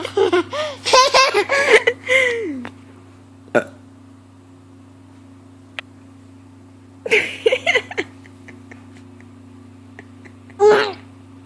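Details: Loud voiced belches in several bursts during a deliberate burping contest, mixed with laughter and a steady background hum; burping.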